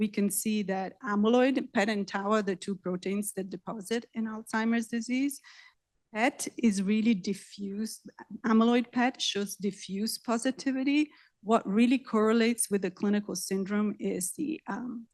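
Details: Adult woman lecturing; normal speech.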